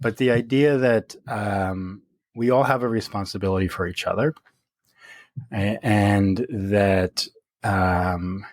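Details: Real stuttering in an adult man speaking naturally in conversation.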